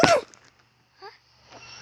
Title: guys what happened to me cute sneeze